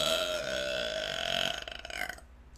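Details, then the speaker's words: Deliberate burp from a live streamer who says they are a burper and very gassy: one long, loud, rumbling belch of about two seconds that fades at the end. "who is not clipping these burps I need to make a compilation for the damn YouTube"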